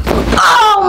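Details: Chiropractic neck adjustment: a short dull pop of joint cavitation, then a surprised voiced exclamation from the patient after cued deep breath and exhale with shoulders relaxed and head tilted.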